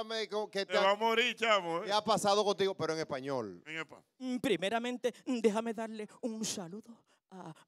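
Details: Adult speaker; typical speech.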